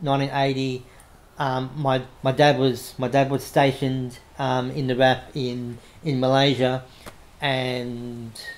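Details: Adult man with cerebral palsy after severe meningitis in infancy, affecting right arm and leg; self-described mild stutter he tries to control by calming down, with audible word and phrase repetitions; stuttering.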